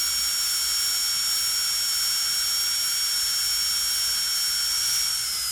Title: Authentic Dentist Drill Sound Effects | Precision Start, Continuous Run, and Gradual Stop